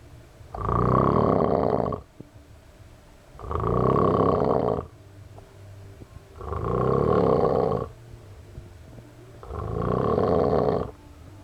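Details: Friend snoring loudly enough to wake the house: four loud, rasping snores about 3 seconds apart, roughly 20 a minute, with quiet exhalations between; heavy snoring.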